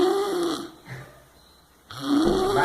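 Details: Drooling sleeper snoring, recorded 02/05/2019: two loud, rough snores with a brief quiet pause between them; snoring.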